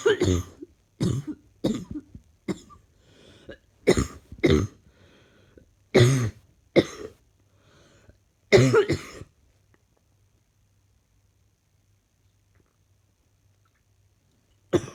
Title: Not feeling fantastic today at all. Need this cough to leave me now